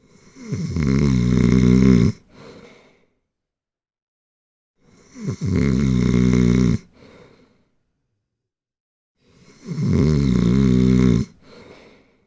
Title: Snore. Snoring. Sound snoring. Prank over friends